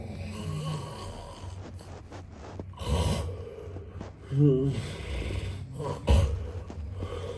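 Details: Snoring sound effect of a man snoring: deep, rattling snores with low vibrating bursts rising and falling over steady room noise; snoring.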